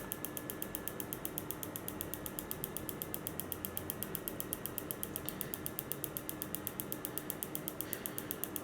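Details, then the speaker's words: Focused shockwave (Storz Duolith T-Top) applied directly on the posteromedial tibia of a 23-year-old female runner with 4-month chronic shin pain, energy starting 0.05–0.1; rapid steady clicking pulses about eight per second. "shockwave is usually well tolerated by most patients because you don't get a lot of energy wasted on the skin and superficial"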